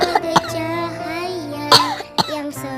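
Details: A child gives about four short, sharp acted coughs over steady background music, in a scene where a mother scolds the children for eating crackers.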